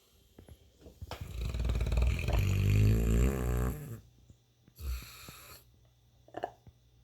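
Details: St. Bernard dog snoring in sleep: a loud, long, rumbling snore followed by a softer breath and a snort; heavy snoring.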